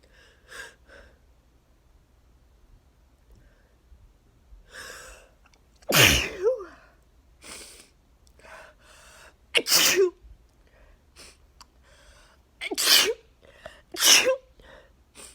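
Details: Several loud explosive sneezes, each with a sharp inward breath before, amid sniffing; part of a 34-sneeze sneezing fit with nose blowing, attributed to neighbors cutting grass, apparently allergic.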